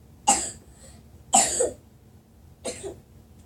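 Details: Three separate harsh, explosive dry-sounding coughs about a second apart in a quiet room; cough.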